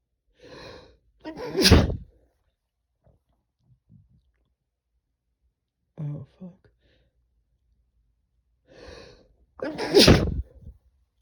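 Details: Male sneezing after taking chhinkni (sneezing powder), eyes watering: two sneezes, each a gasping intake and then a sharp, explosive burst, with a short vocal sound between them.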